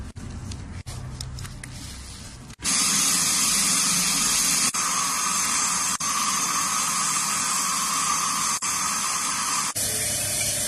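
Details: Dental drill during teeth repair: a steady high-pitched whine starting after a few seconds of quieter room sound and briefly interrupted several times.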